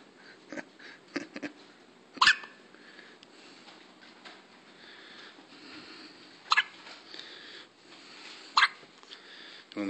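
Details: Newborn baby girl with hiccups: three sharp, brief catches a few seconds apart over faint room noise; infant hiccups.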